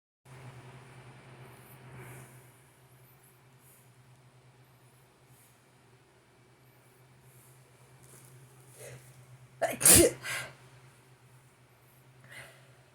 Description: I started sneezing so much before going to bed